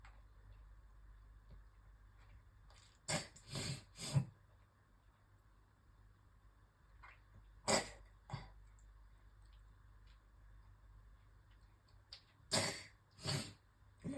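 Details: Three clusters of harsh, wet coughs and throat clearing separated by quiet pauses in a small room; a coughing fit with gagging while brushing teeth, bringing up a lot of phlegm.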